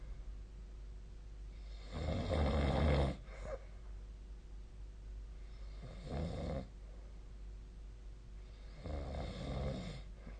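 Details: Three loud, low, rumbling snores in about ten seconds, with quiet breathing between them and a steady room hum, from ordinary sleep snoring recorded on 2025/02/22.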